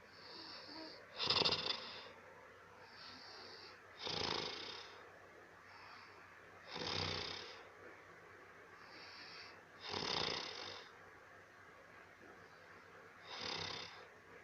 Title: funny video snoring Dangerous like ravan